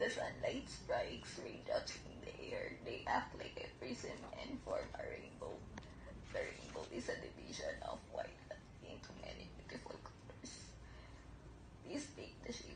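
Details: Patient diagnosed with adductor spasmodic dysphonia in 2019, reading the Rainbow Passage before thyroplasty type 2 surgery: adductor spasmodic dysphonia.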